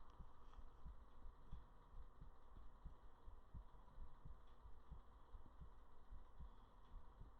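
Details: Faint, regular low heartbeat thuds at about 100 a minute under a steady hum, recorded close up for relaxation ASMR; a normal heartbeat.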